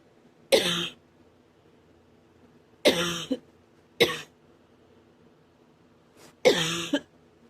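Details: Four sharp cough bursts over about seven seconds, each ending with a rough breaking tail, in a quiet room; the person reports it hurts the chest and throat: painful cough.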